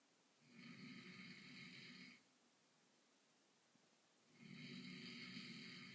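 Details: An adult man snoring in sleep after a long workday: two long, rough, rattling snores about four seconds apart, with quiet pauses between; snoring.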